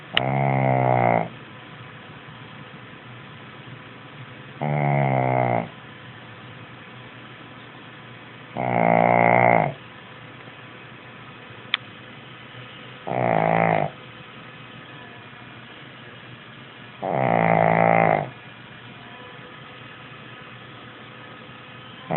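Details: 11-year-old Shih Tzu snoring in sleep: loud, rattling snores about every four seconds, roughly 14 a minute, with quiet pauses between.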